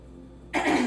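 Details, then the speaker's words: Adult with a cold for the past couple of days, voice affected: after a brief quiet pause, a single short, rough, noisy burst from the throat; throat clearing. "I may cough, I may have to clear my throat, I have a little bit of a cold the past couple days."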